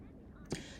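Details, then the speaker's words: Single short, dull click over low room noise as the door of a Vetpump Pro VP50 veterinary infusion pump latches shut after the IV line is loaded, confirming it is closed. "now you will close the door firmly pressing both sides of the door until you hear the click"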